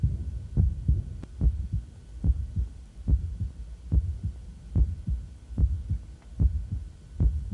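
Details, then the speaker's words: Regular heartbeat near 72 a minute, loud aortic second sound, then a soft high-frequency early diastolic decrescendo murmur loudest at lower sternal border: aortic regurgitation in a male patient. "so it's a high frequency murmur that begins with a second heart sound and case so it's early diastolic de crescendo and its loudest usually on lower right or left sternal border"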